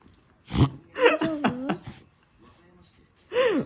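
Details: Corgi making short bursts of rough, snorting inhaled sounds in quick runs; owner looked it up and believes it is reverse sneezing.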